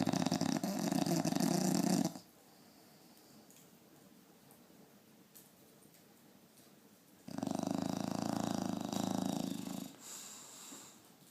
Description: My bulldog snoring very loudly